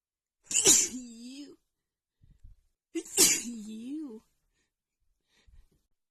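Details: A woman having an itchy sneeze attack: two loud voiced sneezes, each a sharp burst trailing into a wavering vocal sound, with a quiet sniff between them.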